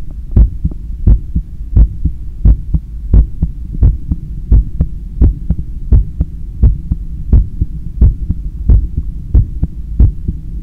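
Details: Stethoscope recording of own heart after a 10km run, lying on a daybed leaning on the left side while controlling breathing: strong, regular lub-dub about 87/min over a low hum; normal, forceful heart sounds after exercise.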